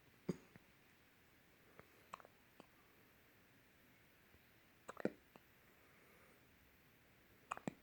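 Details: Soft, brief catching sounds recurring every couple of seconds in a quiet room, with faint clicks between, from an 11-day-old newborn pulling funny faces: infant hiccups.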